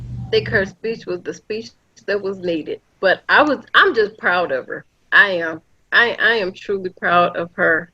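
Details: Adult woman; normal speech.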